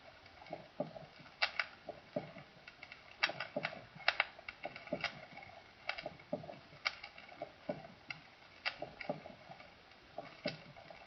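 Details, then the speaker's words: Sharp, clicky heart sounds in a grouped rhythm, normal beats alternating with premature beats, with both first and second sounds heard in the premature beats: ventricular bigeminy. "this is a rhythm consisting of an alternation of normal and premature beats and with it as with premature beats generally both the first and second heart sound in the premature may be heard as in this illustration"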